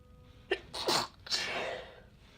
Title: sneezing sneezing